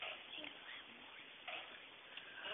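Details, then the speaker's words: An infant has hiccups after laughing: brief, sudden catches in the breathing, repeated a few times. "You're not gonna laugh no more because we got the hip ups, aren't you?"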